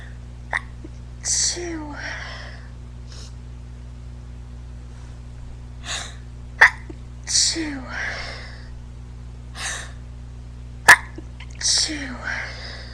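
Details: Drag performer sneezing repeatedly in quick succession during quarantine, each sneeze with a sharp intake and an explosive burst; a sneezing fit, possibly allergies.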